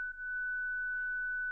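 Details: Steady, unbroken high-pitched ready tone from a ZOLL Zenix defibrillator during testing of internal paddles, showing it is charged and ready to deliver a shock.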